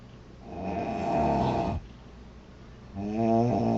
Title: Loud girl snoring July 03 2017